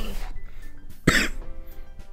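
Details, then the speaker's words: Single loud, harsh cough from an adult who is very sick with painful lungs, recorded while speaking into a microphone with soft background music; cough. "you can clearly hear, I will probably be coughing, and... I'm sorry about that, I'll try to turn away from the mic, but... I'll probably still hear it."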